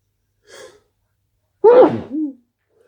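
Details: A quick in-breath followed by one loud voiced sneeze; an ordinary single sneeze.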